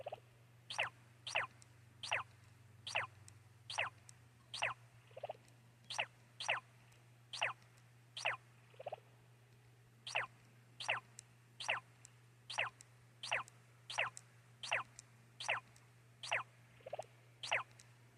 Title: Poncho Sneezing Uncontrollably